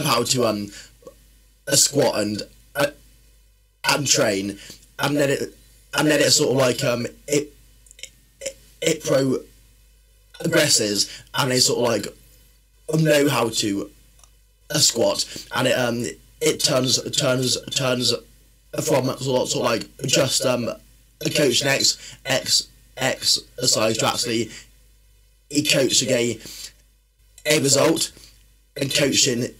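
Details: Adult male who has stammered since childhood and is overcoming it through exercise; stuttering.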